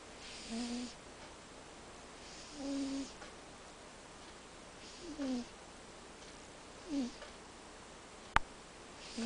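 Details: Faint, short whistling snores about every two seconds over room hiss, with one sharp click: snoring from a sleeping cat.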